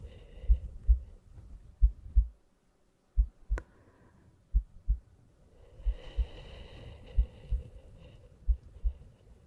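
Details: Soft paired low heartbeat thumps at about 45 a minute, somewhat uneven, with a faint background hum, from an ASMR relaxation and sleep heartbeat recording.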